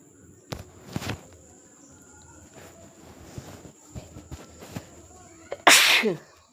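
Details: A sneeze from an adult with a cold allergy during an eating-show voiceover, as a draft came through the window.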